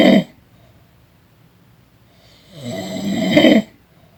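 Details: Person snoring during a nap: a loud rough snore, a quiet pause, then another long rattling snore on the in-breath; ordinary snoring.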